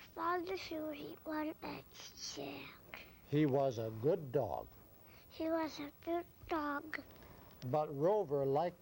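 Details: Child with repaired cleft lip and palate and a pharyngeal flap, with air escaping over the left side of the mouth, reading a story aloud in a speech examination; cleft palate speech.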